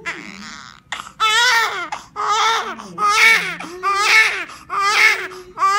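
Loud, rhythmic crying in repeated bursts with breaths between, a newborn's first vigorous cry after birth.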